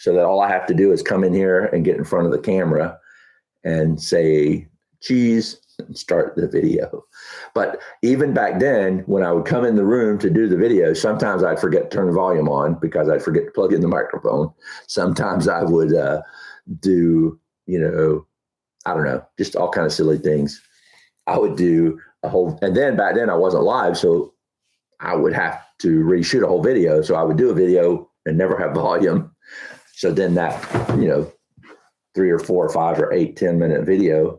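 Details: Adult man with Huntington's disease, about 10–12 years after diagnosis, real patient, who reports that talking is now challenging and his thinking is less methodical than two years ago: hyperkinetic dysarthria (Huntington's disease)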